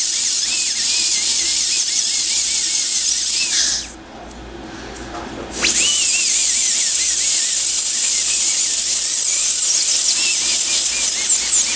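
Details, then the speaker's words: Loud shrill dental handpiece whine with a brief pause before restarting: a blue football-shaped bur taking down the cusps of a temporary crown so the patient, possibly still numb, keeps bite occlusion. "typically i use this one it's a blue football i just kind of take off the edges with it or like the cuffs here in a sense the only reason i do that is so that patient doesn't lose their temporary but bite occlusion especially if they're still numb"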